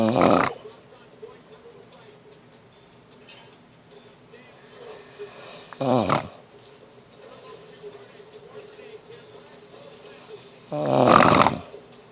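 Three loud rattling snores spaced several seconds apart in a quiet room; ordinary snoring.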